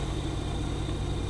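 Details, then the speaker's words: Oxygen concentrator used for COPD and other respiratory conditions, running normally at low flow: steady low motor hum with a soft rhythmic compressor throb as the machine takes in air. "machine actually breathes essentially it's taking the air in to clean it"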